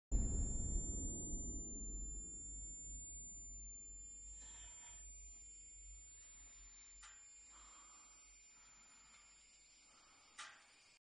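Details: Tinnitus simulation: a steady, thin, very high-pitched whistle throughout, the sound closest to the ringing or squeaking heard in the ears.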